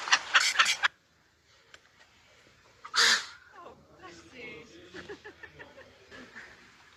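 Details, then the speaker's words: Baby reticulated animal sneezing: a quick burst of sharp sneezes, then a single loud sneeze, with soft background chatter; sneezing. "Did he sneeze on you? Oh, buddy."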